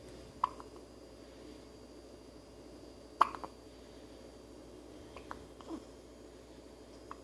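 Several soft, sharp hiccup sounds at irregular intervals in a quiet room: infant hiccups.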